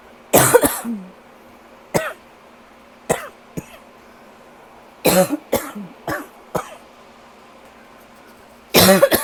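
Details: Persistent dry, tickly cough in three clusters of short bursts, about ten in all, with quiet gaps; the person feels the cough is finally starting to get a little better.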